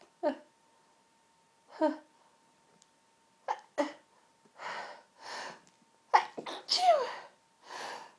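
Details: Sneezing fit: a run of repeated sneezes in quick succession, with breathy gasps between them.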